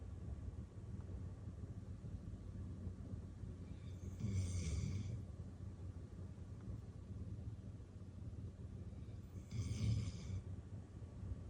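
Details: Female dog asleep in her favourite armchair with her head on a pillow after a tiring day at daycare, paws twitching; two soft, snorting snores about five seconds apart over a low background rumble.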